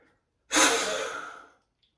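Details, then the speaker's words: Adult with asthma blowing, not very hard, into a Bluetooth smart peak flow meter, reading 588: a single sharp, forceful blast of breath lasting about a second, fading out; forced exhalation into peak flow meter. "Wasn't blowing super hard, but I've got a 588. Let's blow a bit harder."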